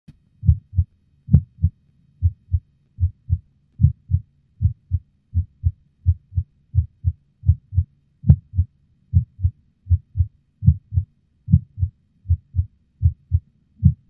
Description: Had a pretty intense orgasm with at least one skip in there, my heart thundering in my chest the entire 10 minutes.